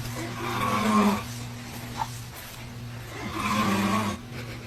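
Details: Dad snoring, with a baby reacting to hearing it: two long, low, droning snores with a growling quality and a quieter gap between them; snoring during sleep.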